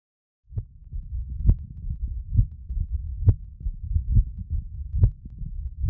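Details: Severe symptomatic rheumatic mitral stenosis, age 38, prior valvuloplasty, MVA 1.0 cm2; Thinklabs One digital stethoscope at the apex: regular heartbeat near 67 a minute, early diastolic opening snap and faint mid-diastolic rumbling murmur.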